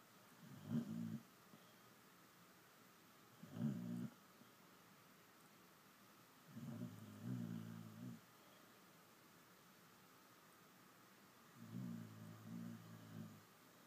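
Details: Snoring: four low rumbling snores over about fourteen seconds, separated by quiet pauses, about 17 breaths a minute.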